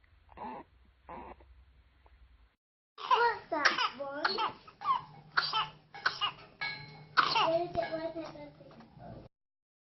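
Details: Infant boy with pertussis who died at 32 days: two weak coughs, then a run of rapid strained coughs with squeaky, high-pitched crowing breaths between bursts; whooping cough.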